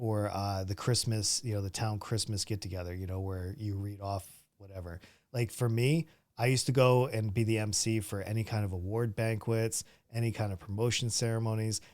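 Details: Adult man speaking; ordinary speech.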